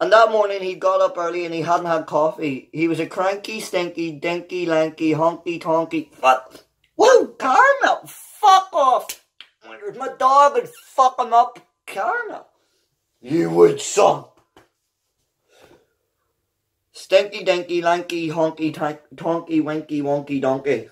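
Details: Real, unedited vocal tics with coprolalia (vulgar words) in an adult man with Tourette syndrome; the tics interrupt him while he reads a children's book aloud.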